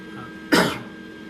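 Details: Adult man with a chronic cough from respiratory issues: a single short, harsh cough or throat-clearing burst in a quiet room with faint background hum.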